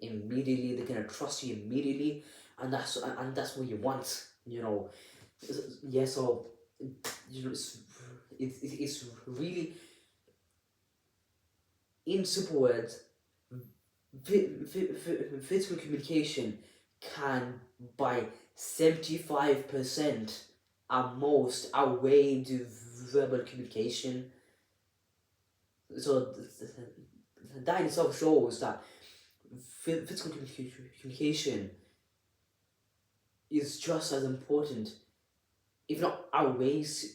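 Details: Adult with a stammer (stuttering) speaking unedited, with audible repetitions of words and syllables; stuttering.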